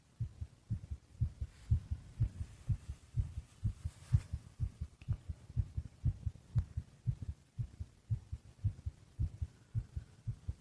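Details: Soft, low heartbeat thumps in steady lub-dub pairs at about 60 beats a minute, with faint background noise; heartbeat of a sleeping adult male (boyfriend), ordinary heartbeat.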